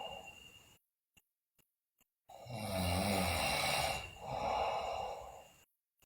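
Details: A sleeping girl snoring loudly, with bruxism and delirious sleep noted: after a silent pause, a loud rattling inspiratory snore followed by a softer, airy out-breath.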